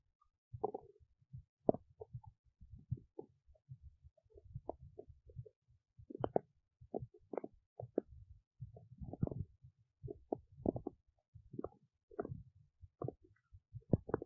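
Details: Belly noises recorded while digesting oats: quiet irregular gurgles and squeaks in bursts, ordinary bowel sounds.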